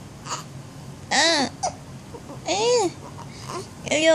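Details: Hiccups in a 16-day-old newborn boy: short, sudden voiced catches repeating irregularly about 40 times a minute.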